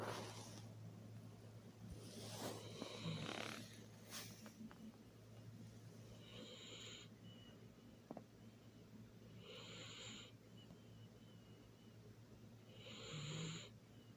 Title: Sleepy Baby ❤️ So Cute *snoring